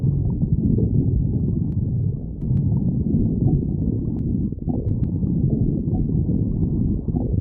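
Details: Continuous low rumbling and gurgling from the abdomen with fluctuating loudness; stomach growling (borborygmi).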